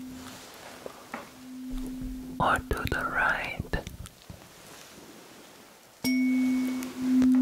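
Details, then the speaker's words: Tuning fork rung twice during simulated ASMR cranial nerve hearing exam roleplay (left versus right ear): steady pure hum with soft handling noises between strikes. "i'm going to be needing my tuning fork for this test so i'm ringing it okay can you hear it to the left and to the right"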